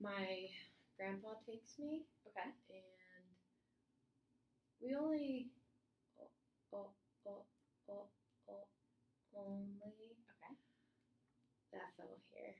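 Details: Girl aged 12 who stutters, in a speech therapy session, describes her stuttering as repetitions, blinking and pushing out sounds with tension; stuttering.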